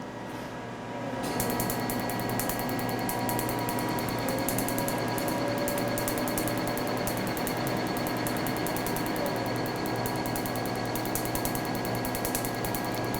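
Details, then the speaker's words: Picosecond laser tattoo removal on the forearm, in an anesthetized zone: a fast, steady rattle of overlapping laser pulses over a machine hum while the ink turns gray with almost no bleeding. "Donc on fait un chevauchement des tirs laser pour passer sur l'ensemble de la zone."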